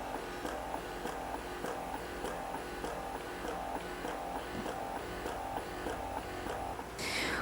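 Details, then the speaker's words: Unimom Opera Plus hospital-grade electric breast pump in massage mode at its higher cycle setting (up to 100 cycles/min). It makes a quiet, regular mechanical pulsing about 100 cycles a minute with a soft hum. "I'm going to let you hear how quiet this pump is in massage mode you might not even be able to hear that and that's in its and it's higher cycle setting we can turn the vacuum up and then the pump does get a little bit louder"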